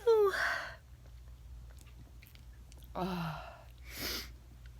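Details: Sneezing induced with a feather: a voiced sneeze, then a pause and two softer sneezing bursts with quick breaths, in a quiet room; ordinary sneezing.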